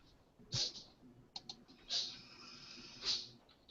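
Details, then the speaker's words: Three quick, sharp, hissy sneezes from a male cat during a sneezing fit of about ten sneezes in a row. "you guys hear that is that a cat sneezing or something yeah my cat just sneezed like 10 times in a Row's he's over there looking really confused like what the [ __ ] was that"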